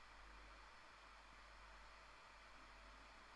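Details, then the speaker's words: Endoscopic microsuction of tough, old, embedded ear wax in a hairy ear canal: steady hissing, rushing suction noise as wax breaks off in little bits. "it's probably tough old stuff but it is coming away no it's just breaking little bits off a second a little tiny bit there you can see it'll here is all jutting out to the side of it so you can you can see just how embedded this stuff is in here"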